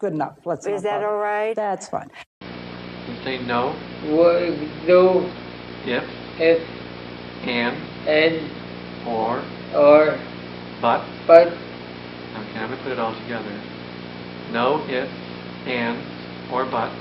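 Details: Real patient with conduction aphasia, a language disorder affecting repetition and word-finding, shown during a phrase-repetition task with doubled words and trouble assembling the phrase.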